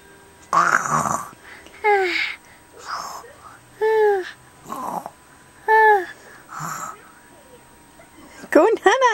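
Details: A young child pretending to snore with his eyes open: playful, voiced fake snores in short alternating bursts, an imitation of snoring rather than real snoring.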